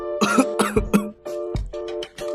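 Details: Adult acting in a skit about a cough remedy gives three quick, forced coughs with steady background music: simulated cough.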